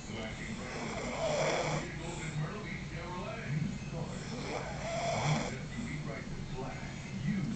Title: Snoring Pranks